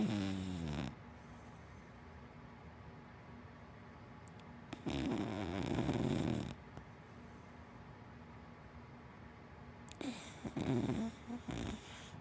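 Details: Rattling, fluttering snores in short bursts separated by quiet stretches of room hum from a sleeping big black dachshund–black Labrador mix dog; harmless dog snoring.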